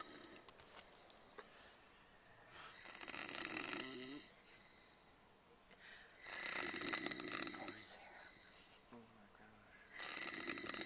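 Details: Recording of people sleeping on a tour bus: loud rasping snores in long noisy bursts about every three to four seconds, with softer overlapping snorts in a quiet room; snoring.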